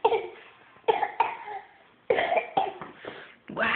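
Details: A young boy at breakfast gives about six short, deliberate coughs while covering his mouth, in a small room: fake, put-on voluntary coughing, not illness.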